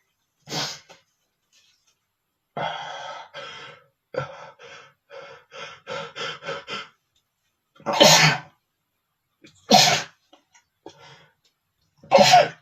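Several sharp, explosive sneezes with short gasping intakes and puffing breaths between them; a bout of repeated sneezing.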